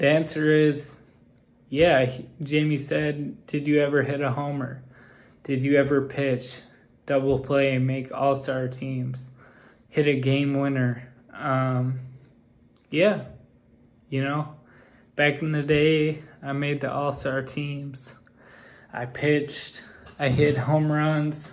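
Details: Male with Friedreich's ataxia whose speech has become progressively more impaired. Ataxic dysarthria.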